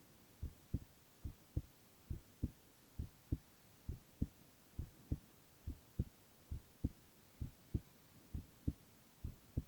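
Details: Male ASMR recording of heart sounds alone, without speech: steady regular low thumps at about 67 beats a minute, no added sounds, sounding like a normal adult heartbeat; normal heart sounds.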